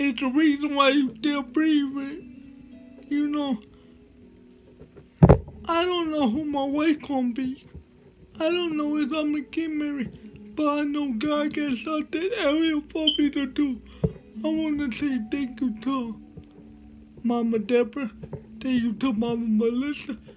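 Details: Man with cerebral palsy, which he names himself, giving a motivational talk with slurred speech: dysarthria (cerebral palsy).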